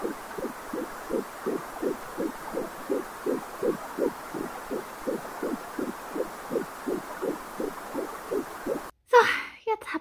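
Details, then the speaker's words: Fetal heartbeat at 11 weeks of pregnancy on an Angelsound home Doppler: fast, regular whooshing pulses, counted at roughly 156–168 beats per minute. "ich habe sogar mal hingesetzt und intercity die schläge und 20 sekunden gezählt und daraus die pulsfrequenz berechnet also es hat er ungefähr eine herzschlagfrequenz von 156 x 350 168 das ist super"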